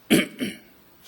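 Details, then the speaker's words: Adult lecturer coughing repeatedly mid-lecture: two short dry coughs, the second softer, in a quiet room. "이게 왜 자꾸 기침이 나오지?"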